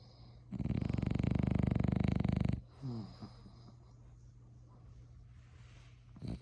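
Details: Sleeping dog snoring: one long, loud, fluttering snore lasting about two seconds, then soft breathing.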